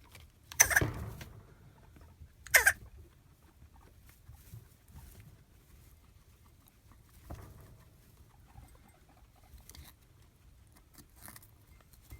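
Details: Guinea pig coughing: two sharp, short coughs and a softer third, with quiet rustling between them.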